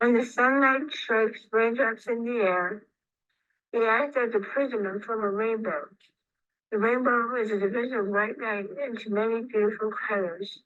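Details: Woman with radiation-treated oral cancer and a later stroke causing vocal fold paralysis and tongue weakness, reading the Rainbow Passage; slightly breathy, hypernasal voice with dysarthria and some throat clearing.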